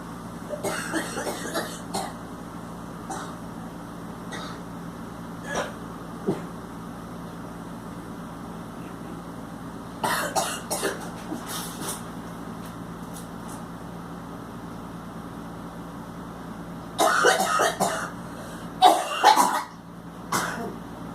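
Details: Girl coughing in several short clusters of harsh bursts over a steady vehicle hum, then vomiting; cough.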